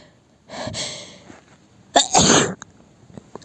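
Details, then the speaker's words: Acted sneezing scenario: a stifled sneeze, a short pause, then a louder full sneeze with a sharp burst of air; the person cannot stop sneezing and blames a lavender air freshener, saying they are terribly allergic to lavender. "and yeah I seem to not be able to stop sneezing did you did you do anything in particular"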